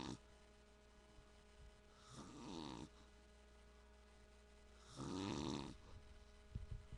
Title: dad snoring